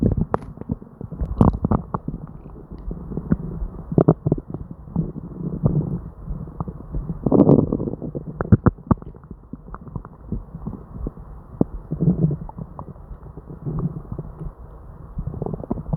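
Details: Person with diarrhea and an upset stomach: almost nonstop gurgling and rumbling from the belly with frequent bursts; hyperactive bowel sounds.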